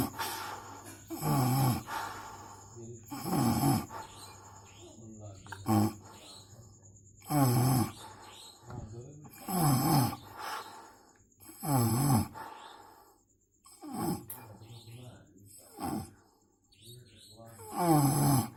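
Loud, rattling snores repeating about every two seconds, with softer breaths between them; heavy snoring during sleep.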